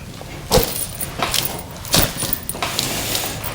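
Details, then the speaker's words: Chiropractic mid-back adjustment of a man with shoulder tension and long-term lower back issues: a few sharp pops and cracks over background rustle, joint cavitation from gas escaping the joints, harmless. "I'm going to work my way through the middle of the back here you guys are going to hear some popping the cracking there're just gas Escaping The Joint good"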